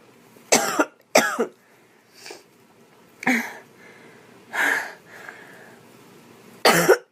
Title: Girl coughing 197